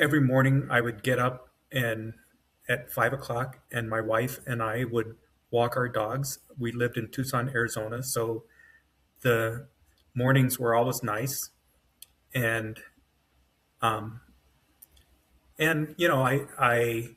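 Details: Adult man with self-rated mild to moderate aphasia after an AVM brain hemorrhage, surgery and a 10-day medically induced coma, with right-side paralysis and foot drop; word-finding trouble, brain faster than mouth; aphasia.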